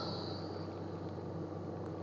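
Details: Yuwell 7F-5B medical-grade oxygen concentrator running with its flow set at about 4 then 3 litres per minute: continuous low mechanical hum and airflow rush, operating normally.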